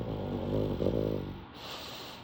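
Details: Pug snoring loudly while napping on a reclining chair: a loud, rough, buzzing snore on the in-breath, then a quieter out-breath.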